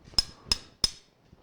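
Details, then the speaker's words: Knee arthroscopy microfracture on the medial femur, with synovitis and osteophyte showing wear and tear: three sharp metallic taps about a third of a second apart as a surgical awl makes holes in bone. "just going to go tap tap tap it probably quite soft actually D I imagine yep that's great so we're drilling little holes"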